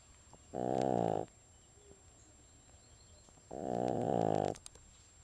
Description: listen to my pug actually SNORE!!! IT is HILARIOUS!!!!!!